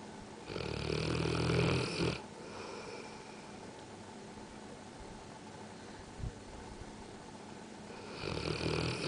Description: Bullmastiff Dog Snoring